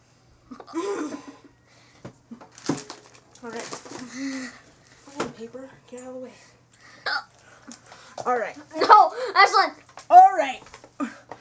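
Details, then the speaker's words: Person with hiccups, saying they hurt a lot and are still there: sharp, abrupt, jerky involuntary catches of breath interrupting ongoing talk in a small room; hiccups. "that doesn't help anything did I bite him away I'm still have them they hurt a lot"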